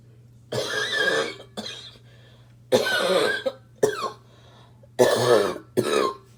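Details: Several harsh, forceful, hacking coughs with gasps between them from a smoker, described as a choking barking cough.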